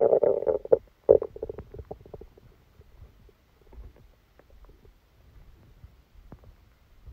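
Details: A loud bubbling gurgle, then softer scattered rumbles and squelches: active bowel sounds during a stomachache after Christmas dinner, recorded while the person slept.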